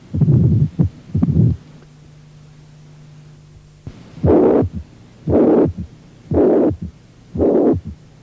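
Long, harsh blowing murmurs fill each systole, each followed by a brief low thump, at about 60 beats a minute after a short humming pause. This is the systolic murmur of mitral regurgitation with a third heart sound from rapid filling of an overloaded, dilated left ventricle.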